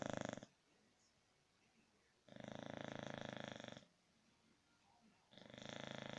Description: Funny snoring sounds from a sleeping bulldog.